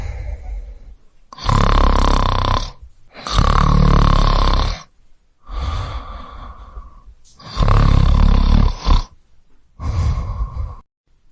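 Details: Sound-effect recording of a man snoring: five loud, rough, rattling breaths with brief quiet gaps between them.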